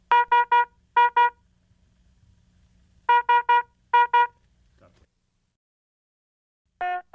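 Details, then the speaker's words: High-priority red alarm on a HeartStart MRx monitor, warning of a life-threatening condition such as asystole or ventricular fibrillation: repeating bursts of rapid tonal beeps. "a red alarm warns of a life-threatening condition such as asystole or ventricular fibrillation the cause of the alarm displays here with a red background and sounds like this"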